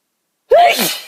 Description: I tried to do a better attempt at holding back my sneezes... as you can probably tell, it didn't really end as I'd hoped!